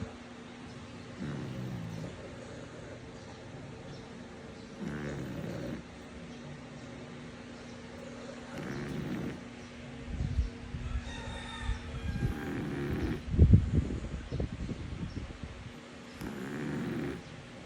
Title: The Snoring Rocket the Frenchie from Burlington University🐶♥️